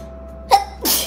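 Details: Sneeze set off by a Covid-19 nasal swab test in a girl: a short sharp intake followed by one explosive sneeze burst, faint music in background.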